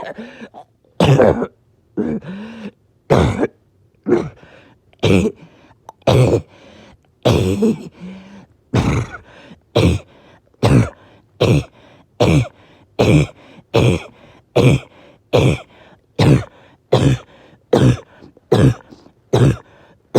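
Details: Evening coughing fit that came on suddenly with difficulty breathing after oxygen had been good all day: about 25 harsh, deep coughs in quick succession over twenty seconds, barely pausing.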